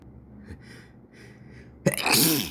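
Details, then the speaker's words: Person sneezing in summer with sniffles, sneezes coaxed out by tickling: a couple of quick catching in-breaths, then one sharp, explosive sneeze. "Oh, fuck. Oh my god. Half a sneeze. Come on. Right there. Oh, fuck. Oh, oh my goodness. Excuse me."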